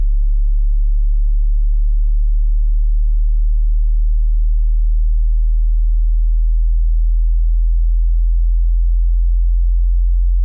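A steady pure tone sliding slowly downward through very low pitches, a hearing-test frequency sweep.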